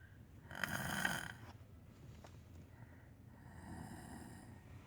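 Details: Sister snoring while asleep: one loud, rough, rattling snore on an in-breath, then quieter noisy breathing and a fainter second snore.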